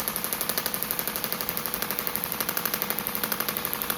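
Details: Radial shockwave on a perimenopausal woman's own shoulder soft tissue (old dislocation injury), about one bar, 12 Hz, week one of a planned four-week trial; not too sore: rapid regular sharp clicking pulses with steady mechanical noise.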